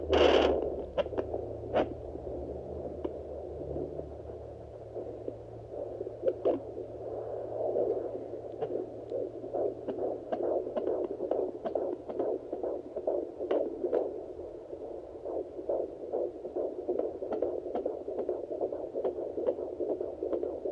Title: Fetal heartbeat at 18 weeks 3 days pregnant! Using Sonoline B Doppler!